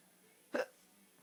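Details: A single short, sharp hiccup over a quiet background, from someone described as drunk.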